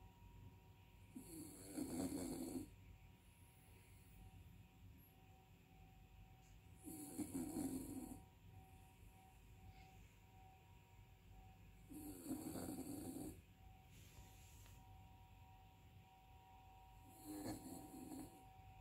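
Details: Dog that keeps snoring even after waking: four loud rattling snores about every five seconds, roughly 12 a minute, with quiet between them; snoring in a dog.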